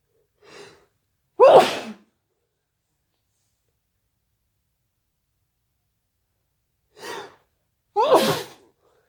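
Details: Intentionally induced sneezes, described as very wet and intense: two forceful sneezes several seconds apart, each led by a quick gasping in-breath, in a quiet room.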